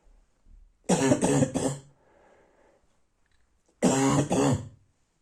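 Two clusters of harsh, deep coughs, three then two, with a hoarse, seal-like barking tone in a quiet room; a barking cough.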